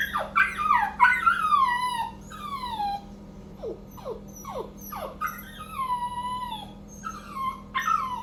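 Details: A 3-month-old male Cockapoo puppy left alone while the owner bathes: high-pitched whines and yelps falling in pitch, repeated over and over; puppy whimpering.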